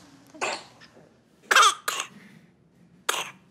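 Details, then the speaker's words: Child hospitalised in a paediatric ward with RSV respiratory infection, breathing trouble, wheeze and much nasal mucus; cough heard during the illness. "-खांसी के कारण नाक में बहुत सारा बलगम है।"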